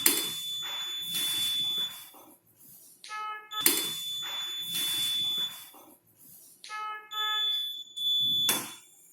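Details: ICU ventilator switched on during a nurse training demonstration, with the circuit connected: repeated high-pitched alarm tones and chimes cycling, the normal start-up alarm sequence.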